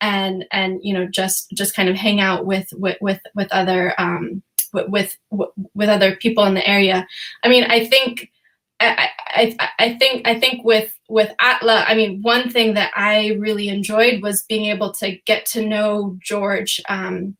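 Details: Real stuttering in an adult woman who says she stutters sometimes, speaking on a panel; repetitions of words and phrases are heard.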